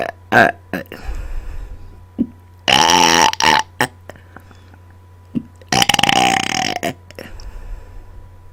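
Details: Woman burping deliberately after dinner directly into the microphone: several loud, long voiced burps with brief quiet gaps and a steady background hum; belching on command.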